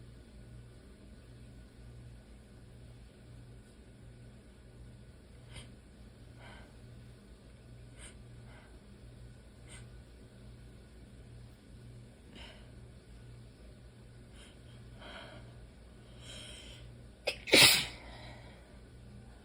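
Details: Messy allergy sneezing fit, mostly into the elbow and some into the hand: series of soft muffled sneezes and snuffles ending in one loud sharp sneeze.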